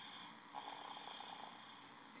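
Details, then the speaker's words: 14-month-old boy napping, lying sideways in his crib with his head on the bumper, worn out after play: a soft, faint, fluttering snore lasting about a second against quiet room hiss; snoring. "laying sideways in his crib with his head on his bumper just snoring away he's acting like grandpa he's 14 months old today"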